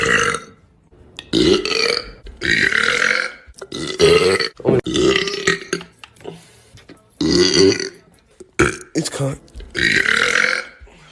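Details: A run of long, loud, voiced belches in quick succession, several within about ten seconds; burping.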